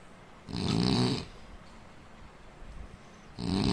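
Two loud, rough, rumbling breath sounds separated by a quiet gap, typical of snoring during sleep.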